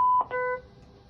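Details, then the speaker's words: Power-on beeps of a Zoll X-Series ambulance cardiac monitor switched on with the green button during a demonstration: a steady electronic tone, then a brief chirp and a second shorter tone. "um this is the zoll's x-series cardiac monitor um i'll show you some functions and also how you operate this monitor um victoria is going to be my patient i'm cutting monitor on turn the green button on"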